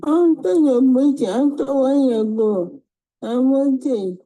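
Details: Dysarthria in a woman with multiple system atrophy, with the high-pitched, low-volume voice described as distinct for MSA.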